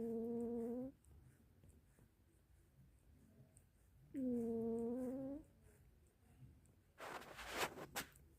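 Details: Two long, tonal, whistling snores about four seconds apart, then a brief rustle; a cat, snoring since a small kitten, asleep on a bed in the morning.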